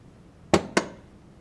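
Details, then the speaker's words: Maquet Servo-i ventilator pre-use check running its safety valve test: two sharp mechanical clicks, normal self-test sounds showing the machine is working; the test passed. "you can see it's making a lot of sounds when it's doing these tests to indicate that it is in fact working ok the safety valve test is passed"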